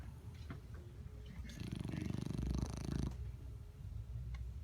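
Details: Dog snoring: one low, fluttering snore lasting about one and a half seconds, with quieter room noise before and after.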